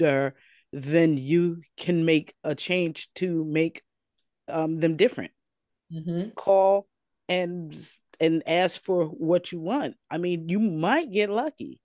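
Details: Person with aphasia after two strokes: aphasia.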